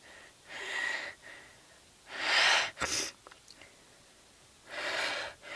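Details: Repeated sneezing, three explosive hissing bursts with a sharp snap between them in a quiet room, stifled so as not to wake a sister; the sneezer then needs to blow their nose.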